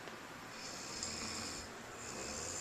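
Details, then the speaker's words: Young child and father snoring together during sleep, recorded on a Flip Video camcorder: soft, steady, rough, airy hissing breath noise with faint room hum. "This is both of my babies snoring."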